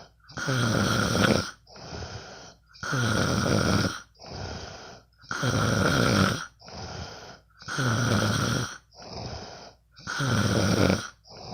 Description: Hey guys my first post. Sometimes i can't sleep. So i will record my bff snoring...